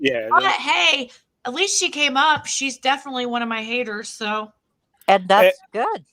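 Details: Adult woman speaking; ordinary speech.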